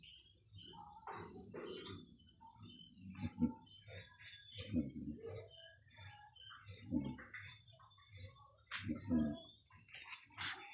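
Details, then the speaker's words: Low, rumbling snores from a sleeping pet dog, steady rhythm about every two seconds, likened to a sleeping person's snoring, with birds chirping in the background. "Ito naman nao humihilik siya. Parang taong natutulog hilit."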